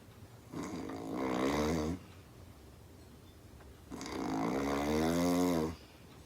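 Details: Two long, extremely loud, rattling snores on breathing in, with quiet pauses between, from a sleeping girlfriend on the couch; heavy snoring.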